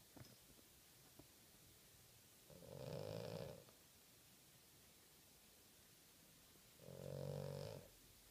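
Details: Two loud, rumbling snores about four seconds apart, each on the in-breath, over quiet room noise: loud snoring.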